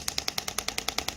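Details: Radial-type shockwave therapy device (titanium applicator) firing on the demonstrator's gel-covered forearm during a squeezing technique that may cause bruising: sharp, rapid clicking pulses, about ten per second.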